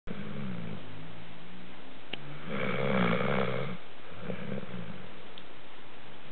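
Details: Dog snoring: low rumbling, rattling noise with breathing, loudest on one long breath in the middle, over steady background hiss.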